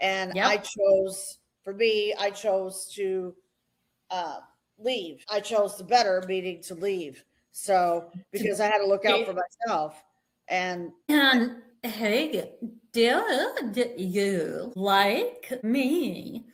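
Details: Adult woman speaking; ordinary speech.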